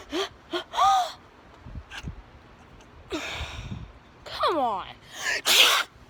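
Several sharp sneeze bursts, some preceded by a rising in-breath, with pauses between them; sneezing.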